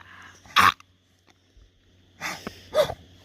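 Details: Puppy outdoors giving three short, harsh, sneeze-like coughs with quiet background between them; cough.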